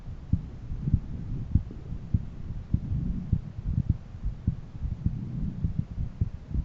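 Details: Own heart auscultated at different valve areas.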